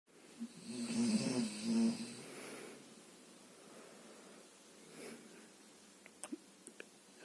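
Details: Roommate's snoring, recorded and played back through a JBL GO speaker: one loud, buzzy, rattling snore on an in-breath, then quiet breathing and small clicks.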